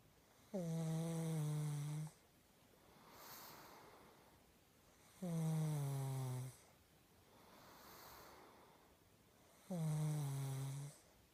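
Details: A sleeping pug snores loudly, with rattling snores on each inhaled breath at about 13 a minute and quieter breathy exhalations between.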